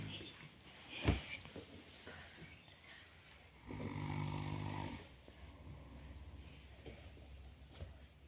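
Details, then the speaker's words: Sleeping person snoring: a single soft, buzzing snore mixed with household background noise; light snoring. "ngorok guys. Ayo tidurnya ngorok ya."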